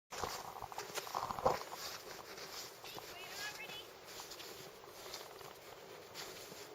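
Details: A single sharp, explosive sneeze against outdoor background noise and faint voices.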